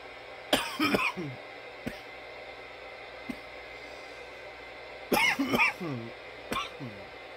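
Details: From nearly 10 minutes of coughing: clusters of harsh coughs, about six to eight bursts in two runs, with short gasping tails and room hum.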